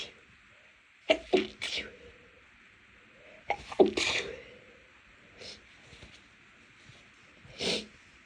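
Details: Several short suppressed sneezes in quick bursts with quiet pauses, after cleaning room with dust and cleaning products (no known allergy to either); stifled sneezing from nasal irritation.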